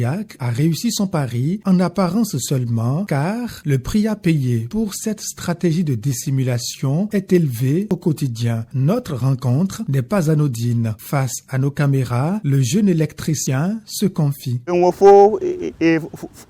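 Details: Adult male narrator; normal speech.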